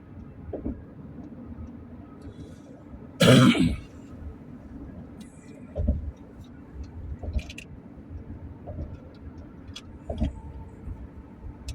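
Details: Adult with a cold coughing while driving: one loud harsh cough, then softer throat clearing, over steady road noise inside a car.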